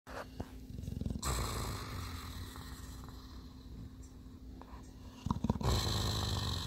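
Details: Heavy sleep snoring: continuous low, fluttering rumble with a few louder snorts, sounding close to purring.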